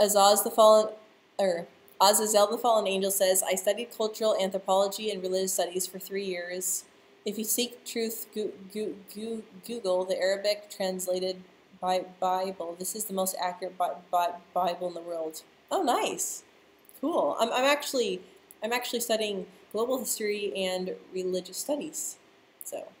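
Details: Adult woman who stutters, speaking live; part-word and word repetitions audible; stuttering.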